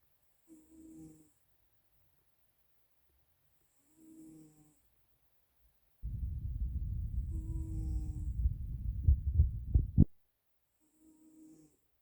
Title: Calico Cat Snoring